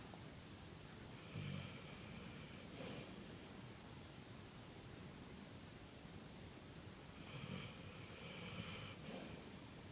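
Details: Pet dog Reznor snoring while asleep, later waking up; dog snoring.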